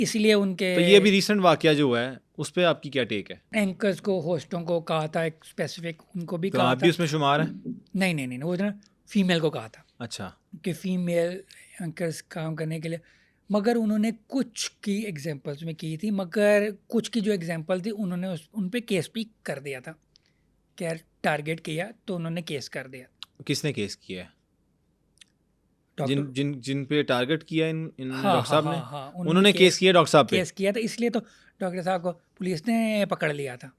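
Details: Stuttering since childhood in an adult male comedian and host, speaking Urdu/Hindi in an interview.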